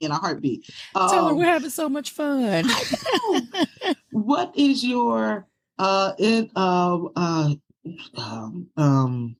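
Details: Stroke survivor with aphasia from brain damage after stroke, speaking in a podcast conversation; aphasia.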